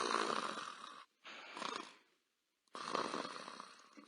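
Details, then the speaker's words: Illustrative snoring sound from a Japanese-language lesson on onomatopoeia: three rough, rattling breaths separated by brief pauses, the noisy vibrating breathing of someone in deep sleep; snoring. "suara dengkuran kan kata untuk suara ini adalah mengungkapkan bahwa seseorang Tengah tertidur lelap"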